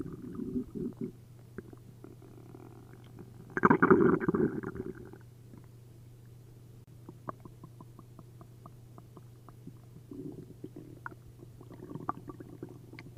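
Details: Adult's belly after drinking a liter each of milk and prune juice, upset stomach: one loud, long liquid gurgle, then many small pops and bubbling sounds. Hyperactive bowel sounds (borborygmi).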